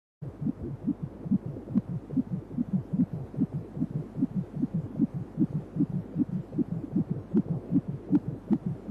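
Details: Rapid, regular whooshing pulses at about 150 beats a minute: fetal heartbeat picked up during a 3D/4D ultrasound baby scan.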